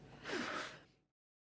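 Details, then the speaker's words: Adult man's induced sneeze after sniffing vegemite to trigger it: a single drawn-out, breathy, soft sneeze rising then fading over about a second, teased as very ladylike and long. "oh that is a very ladylike snake oh it's so long it's so"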